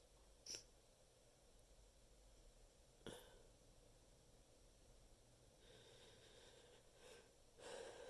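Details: Deliberately stifled sneezing into a handful of tissues, trying to stay quiet, which worsened nasal stuffiness: two brief, muffled bursts against a quiet hiss.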